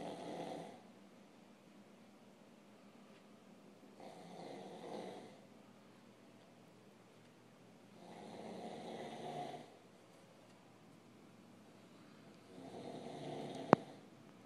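Four rough, rasping snores at about 4-second intervals, roughly 15 a minute, with quiet pauses between. Ordinary snoring.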